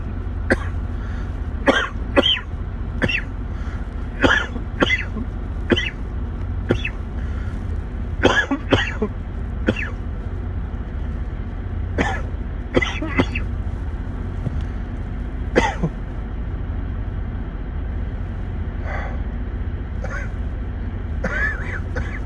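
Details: Adult deliberately coughing for no reason, a series of short, dry coughs over steady low background rumble: voluntary cough.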